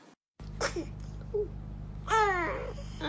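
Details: Baby sneezing: a quick infant sneeze followed by a short fussing whine over steady room hum; ordinary infant sneezing.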